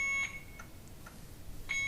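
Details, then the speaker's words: Alaris IV infusion pump alarming for an occlusion on the patient side: fluids stopped flowing with the IV site in the hand, possibly from the hand bent at an odd angle. Repeated high-pitched beeps continue until the blockage is corrected. "remember this is connected into the patient the alarms going to keep beeping until we correct this"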